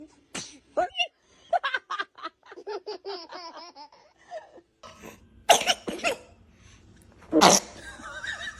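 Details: Sneezing in a baby: babbling and soft vocal sounds, then two sharp, bursting sneezes.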